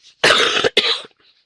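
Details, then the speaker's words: Adult with a lingering, now less deep cough: two harsh, noisy cough bursts, the second shorter, with faint breaths before and after. "Je tousse encore mais la touoncée, moins profonde, dirons-nous."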